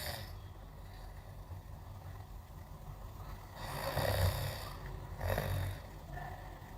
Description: Drift off to the strangely soothing sounds of gentle snoring.